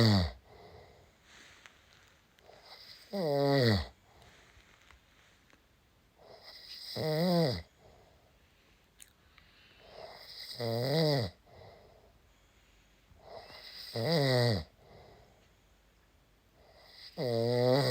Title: Using my husband snoring to finish this game